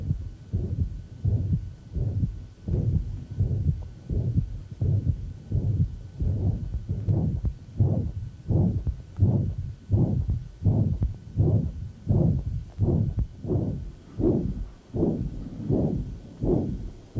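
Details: Man with severe mitral regurgitation: regular heartbeat about 83 a minute, blowing holosystolic murmur and a low groaning diastolic inflow rumble from the large regurgitant volume.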